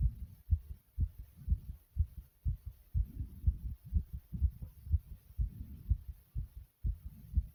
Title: Pounding Heartbeat Sound ❤❤